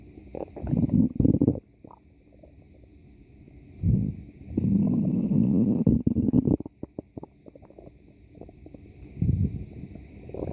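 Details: Irregular low gurgling rumbles and bubbling bursts separated by quiet gaps; ordinary stomach growling from gas and fluid moving through the gut; borborygmi.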